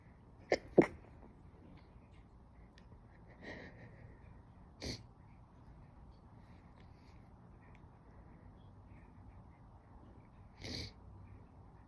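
Several very quiet, suppressed sneezes, short muffled bursts with little voice, over faint room noise; stifled sneezing.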